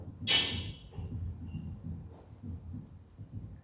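Rapid, soft, regular low thumps of a heartbeat with a faint high whine in the background, consistent with tachycardia, a fast heart rate.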